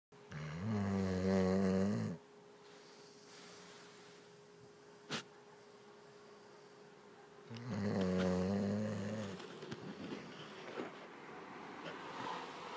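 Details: Sleeping dog snoring like an old man: two loud, rattling, deep snores on breathing in, several seconds apart, with quiet breathing between.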